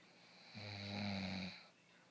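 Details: Sleeping person described as feeling sick; one low, rattling snore lasting about a second on a breath in, in a quiet room; snoring.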